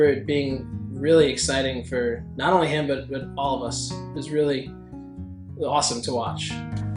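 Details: Adult male speaker; Ordinary speech.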